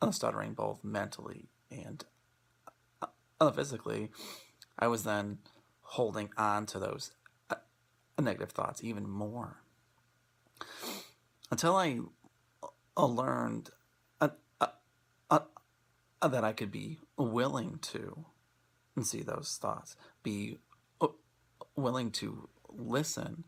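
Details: Adult who self-identifies as a person who stutters, presenting for International Stuttering Awareness Day 2016; stuttering.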